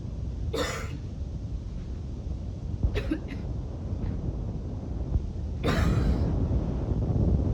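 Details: Three harsh, wheezy coughs from a person at bedtime during a nightly coughing fit, heard through steady rumbling background noise.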